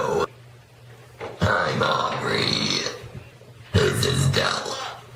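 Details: Two long, loud, low rumbling belches separated by a quiet pause, from a burp compilation; voluntary burping.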